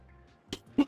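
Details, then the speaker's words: Two short, sharp coughs close together from an adult who is still coughing quite a bit, over faint background sound. "Excuse me, as you can hear, I'm still coughing quite a bit, which... it's going to be potentially a bit annoying, but hopefully we can all live with that."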